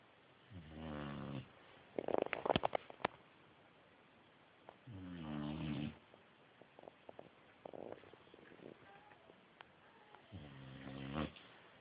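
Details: Sleeping boxer dog snoring: three loud rattling inspiratory snores about every five seconds, with snuffling and small clicks between; ordinary snoring.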